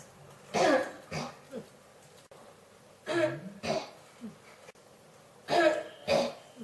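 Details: Persistent cough that won't stop: three short bouts of harsh, throaty coughing, two or three coughs each, returning every couple of seconds.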